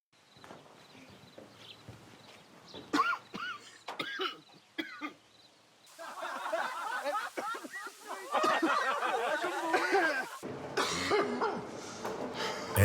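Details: Acted smoker's cough: repeated harsh, throaty coughing bursts from an adult with some background sound, warning that a smoker's cough can become a lung cancer cough.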